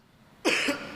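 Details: One short, sharp, deliberately acted cough in a quiet room, part of a comedy skit about actions that invalidate prayer (coughing can invalidate prayer); single cough.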